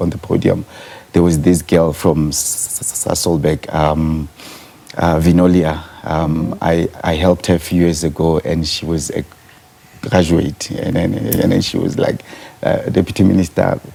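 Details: Stuttering in an adult man who states he is a stutterer himself, speaking in a live TV interview.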